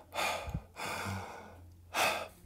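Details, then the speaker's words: Mouth imitation of normal vesicular breath sounds, as heard at the lung periphery: soft, airy breaths with a longer inhalation and a quick exhalation. "i'm not doing it justice but it's a inhalation quick exhalation inhalation quick exhalation for the vesicular"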